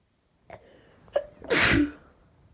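Two short in-breaths building up, then one loud burst of breath and voice: a single sneeze.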